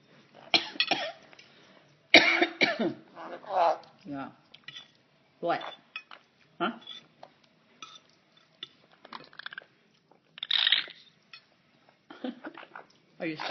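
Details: Cough in a pet bird while eating spaghetti: short, sharp, hissy coughing bursts with quiet room sounds between.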